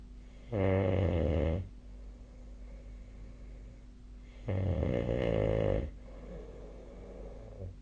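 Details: Sleep snoring recorded 2025/01/31, with the SnoreLab snoring app linked: two loud, low rattling snores about four seconds apart with quiet breathing between.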